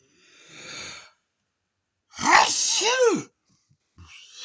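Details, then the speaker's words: Person during a repeated sneezing session: a single sharp, loud, voiced sneeze preceded by a quiet breathy intake. "Yeah, that's it. Oh, that's it. I'm just had another sneezing session. 2:30."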